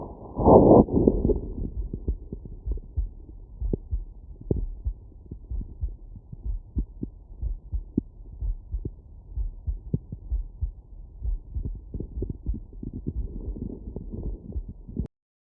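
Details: Heart sounds through CS-417 phonendoscope and electronic stethoscope: muffled low heartbeat thumps with rubbing and handling noise, especially at the start.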